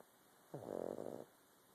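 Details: Sleeping pug snoring: a single rattling, fluttering snore on an in-breath.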